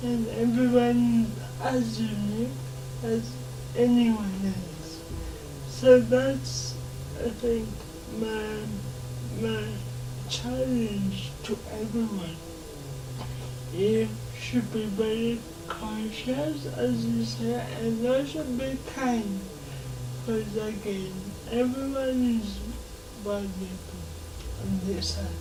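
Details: 27-year-old woman with lifelong cerebral palsy, dysarthria; she can speak but listeners are asked to give her more time.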